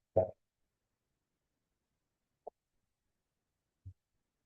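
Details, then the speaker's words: Simulated: a pediatrics lecturer imitates a child with obstructive sleep apnea, as in adenoid hypertrophy, with one loud snort and then several seconds of silence for the apneic pause. "Okay, sleep apnea is a kid all night who sounds like this."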